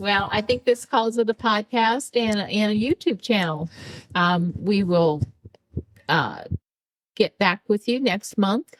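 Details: Adult woman speaking; typical speech.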